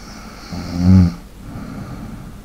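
A single low, rattling snore on the in-breath, followed by quieter breathing.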